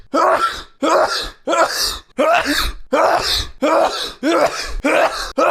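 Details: A streamer sneezes over and over: a rapid run of loud, voiced sneezes, about 87 a minute, each with a sharp onset.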